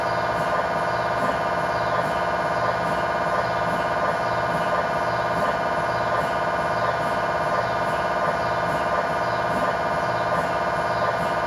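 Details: Steady, loud electronic buzzing with a fast rhythmic chirping pulse, from an MRI scanner during a test tibia/fibula (lower leg) scan with a GE high-definition lower-extremity coil (stated as 8- or 16-channel), in a controlled environment.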